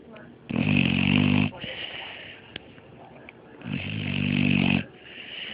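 Two long, loud, rattling snores on the in-breath, each about a second, with quieter breathing between them.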